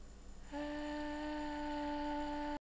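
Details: Long, loud sustained tone held as long as possible, bilateral vocal fold nodules after 25 days of voice treatment: vocal fold nodules (sustained phonation).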